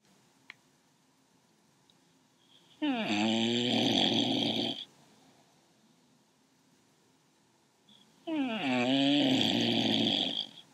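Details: Snoring as usual, likened to an old man: two loud, rough, fluttering snores on inhalation about 5 seconds apart, with quiet pauses, in a small quiet room.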